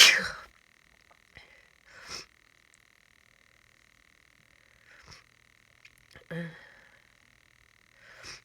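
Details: Person sick with a cold: a strong sneeze followed by several softer sniffs and nasal bursts over a steady background hum; sneezing fits and sniffing.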